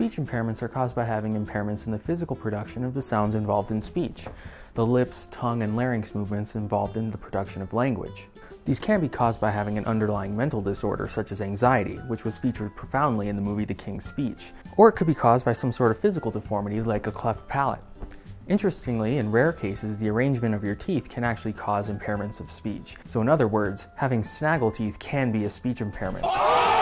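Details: Adult male speaker; normal fluent speech.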